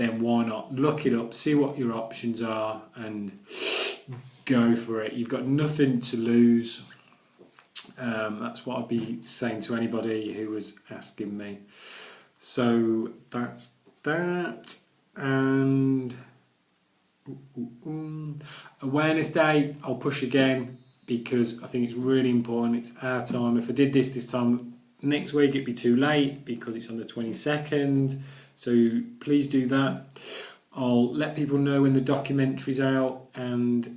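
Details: Adult man who stammers, recorded during recovery after Starfish Project therapy, with speech described as much more severe before therapy; stuttering (stammering).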